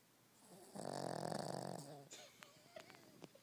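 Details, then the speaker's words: Sleeping dog snoring: one loud, rough, fluttering snore on breathing in, followed by quieter breathing noises. "He's not going to snore like that now, is he?"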